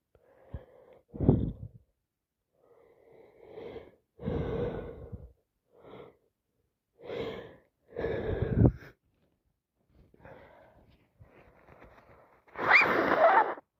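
Several breathy inhalations and bursts, with a loud sneeze near the end and sniffing, from a person with a bad cold.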